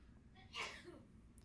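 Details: A sneeze from a person during a live stream.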